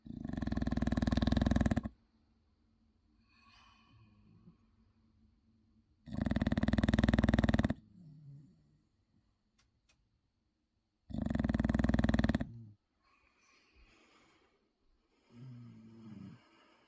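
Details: Six-year-old English bulldog asleep, snoring loudly like a jackhammer, with harsh rattling inhalations about every five seconds and quiet breaths between.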